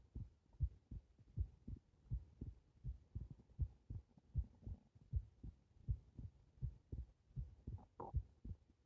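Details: Heart recorded lying on the back: steady low thumping at about 80 beats a minute, regular rhythm; normal heart sounds.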